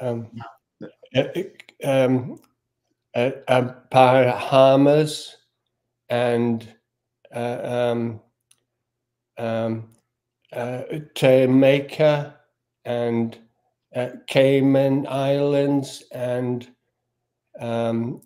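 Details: Post-stroke aphasia in a man, stroke in June 2020, initially unable to speak a word or read, speech since recovered with app-based practice; halting speech with fillers and word-finding pauses.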